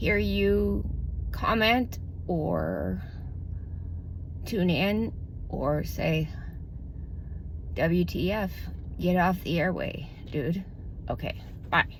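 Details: Adult woman with self-reported spasmodic dysphonia, diagnosed about two to three years ago, which she says may progress and calls relatively mild; she reports 3 to 6 months of relief from Botox injections into the vocal cords; spasmodic dysphonia.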